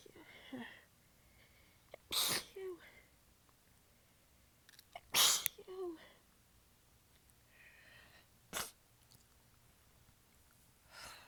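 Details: Three sharp, partly stifled sneezes with quiet breathing between, from a prolonged sneezing fit; the sneezer was exhausted with sore abs and biting the sneezes back, sometimes with the nose pinched or lying facedown over a hankie.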